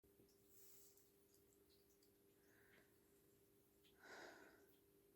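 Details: Induced sneezes in the evening: quiet sniffs and breaths lead up to one short, sharp sneeze burst near the end, over a steady low electrical hum; sneezing.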